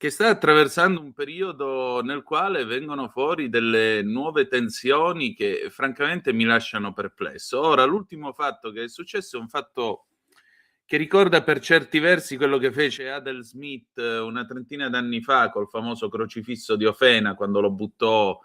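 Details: Adult male speaker; normal voice.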